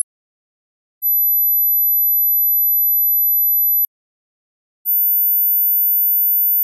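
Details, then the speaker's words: Two steady, very high-pitched pure tones separated by silence from an interactive high-frequency hearing test; this round shows the frequency with the average age at which it stops being heard, since high-frequency hearing fades with age. "so let's try it again but this time I'm gonna put in the frequency and the age so that you can see how you compare to the average"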